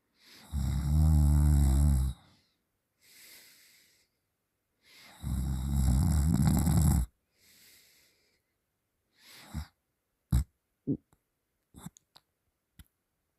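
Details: Sleeping with mouth open while their boyfriend holds their nose shut three times: two long, loud, rattling snores with quieter breaths between, then short snorts and gasps as they stir; heavy open-mouth snoring.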